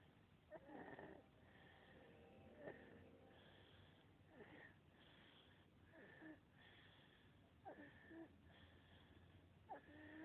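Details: Sleeping child whose breathing carries a high-pitched, whistling, crowing noise with each breath, stridor.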